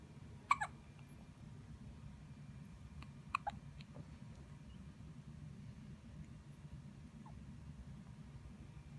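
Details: Newborn baby boy in the NICU: small, sharp hiccup catches every few seconds over a steady low hum of hospital equipment; newborn hiccups.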